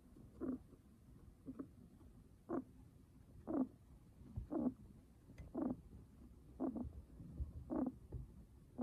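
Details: Guinea pig with raspy breathing: soft, regular rasping noises with each breath, about 57 breaths a minute.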